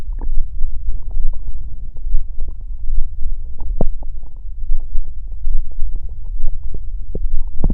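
Continuous deep rumbling with scattered gurgles and pops; ordinary stomach growling.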